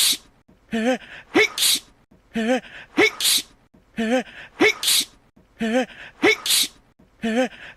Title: Yang Wenli Sneezes for 1 Minute 30 Seconds